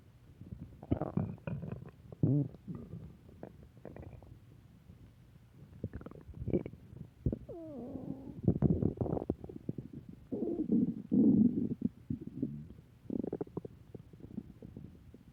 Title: Return of stomach growling 3